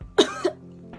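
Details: Adult coughs during a makeup tutorial: two quick, harsh bursts of a single cough in a quiet room.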